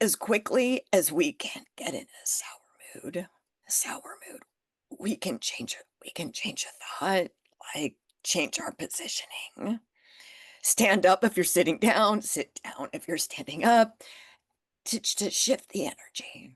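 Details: Spasmodic dysphonia in an adult woman, developed after stress and illness, ongoing and managed naturally without Botox.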